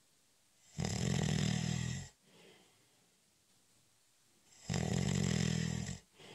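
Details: Short, light cat nap: loud rattling snores on each breath in, about two cycles in six seconds, with quieter breaths out between; ordinary snoring.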